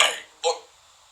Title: Burp Compilation